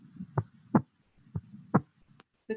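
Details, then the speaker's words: Recorded (Proctor Harvey) heart sounds in a virtual COVID-19 teaching case of a wheezy inhaler user: paired lub-dub at about 60/min with soft breathing audible behind; normal heart sounds. "so the cool thing about the proctor Harvey heart cells recorded in each of those locations you can still hear that the patient is breathing while you're listening to the cardiac sounds which is really critical"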